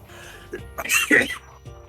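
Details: A short catch, then a harsh double cough burst and a last small jerk from a person on a live stream: coughing mixed with hiccups.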